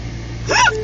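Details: Adult man's hiccup: a single abrupt, squeaky voiced hiccup over low traffic-like background hum.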